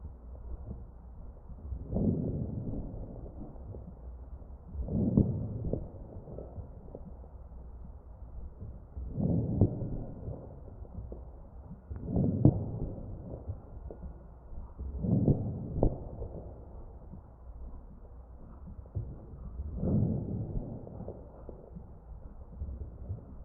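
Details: Ventilator-delivered breaths over the chest of a real patient, recorded with an electronic stethoscope, about 15 breaths a minute, with brief popping crackles during each inflation.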